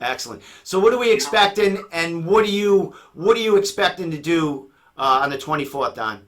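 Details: Adult male speaker; typical voice.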